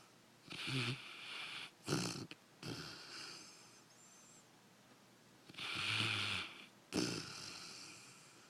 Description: Daisy the Demon Dog sawing logs.